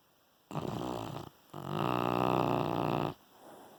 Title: Dog Dreaming Funny Snoring